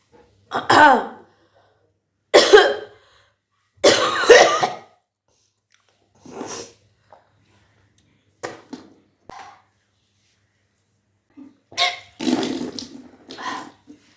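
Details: Repeated forceful throaty heaves and gagging bursts with pauses between: deliberate retching to bring up drunk water during kunjal kriya, a yogic cleansing practice.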